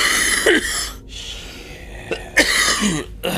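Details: Harsh, rough, hacking coughs and throat-clearing bursts over about three seconds, from a gameplay commentary show; repeated coughing.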